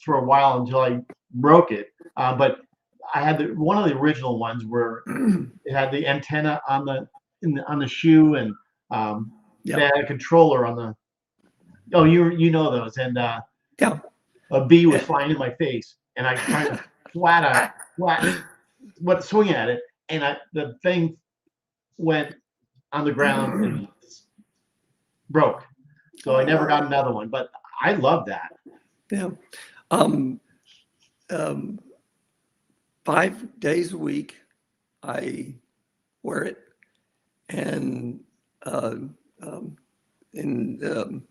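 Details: Aphasia in an adult male survivor of a severe stroke, more than a decade into stroke rehabilitation.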